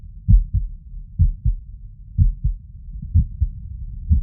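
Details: Heart auscultation over the tricuspid valve area with the stethoscope diaphragm after exercise, with an arrhythmia.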